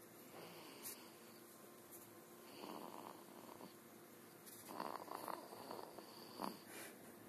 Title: roncando 11 d junio.3gp